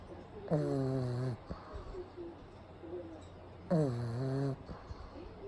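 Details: Pug napping with eyes rolled back to the whites: two loud, buzzing, tonal snores about three seconds apart, with noisy snuffling breaths between; snoring.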